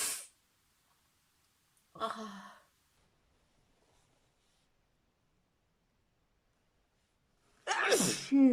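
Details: Three sharp sneezes separated by quiet pauses, the last with a drawn-out voiced tail; ordinary sneezing from a sneezing compilation.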